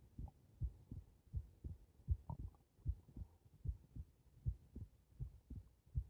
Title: 仰向けで録音された心臓